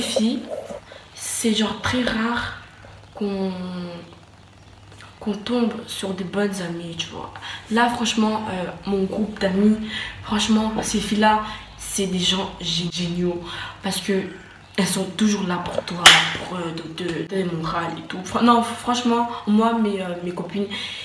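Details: Stuttering in a woman who says she stutters, heard in French speech.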